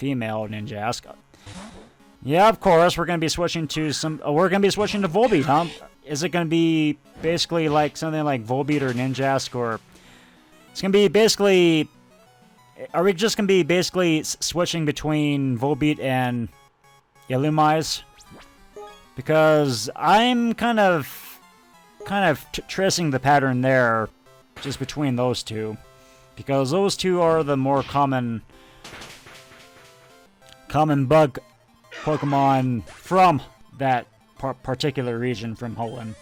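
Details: Stuttering in an adult male who says he tries to control his stutter while recording and realized he had it only a couple of years earlier; stuttering.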